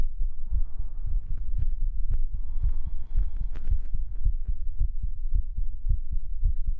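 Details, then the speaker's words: Pre-recorded normal heartbeat played as an ASMR sleep trigger and described as a lower thump: steady, deep, regular thumps at about 80 beats a minute. "How was the heartbeat? So, I hit a a lower thump. These are beats have been pre-recorded so I can do brain tingles tonight."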